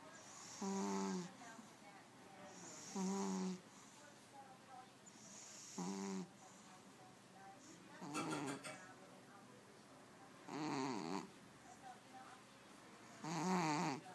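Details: Sleeping pet cat snoring on a Sunday late morning: rhythmic fluttering, rattly snores, about five in 14 seconds.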